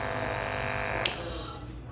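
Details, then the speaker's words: Steady motor hum and hiss of an Apex compressor driving a conventional T-shaped continuous nebulizer filled with water, giving aerosol whether or not the patient breathes, with a click and fading noise at the end; compressor nebulizer running. "so when i switch on so the aerosol will start to give aerosol output and no matter if the patient is breathing or exhaling it will just keep coming out the aerosol"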